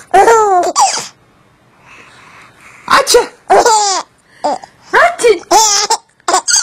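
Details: Simulated sneezing: playful imitated sneezes from an adult, each followed by a baby's bright laughter in a small room.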